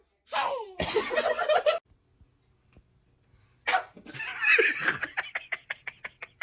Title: Newborn sneezing 🤧 #baby #funnybaby #newbornbaby#cutebaby#funnymoments #lovebaby #fyp #tiktok